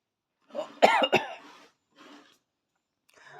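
Two quick harsh coughs close together with a throaty voiced quality, then faint breathy sounds; a child's cough.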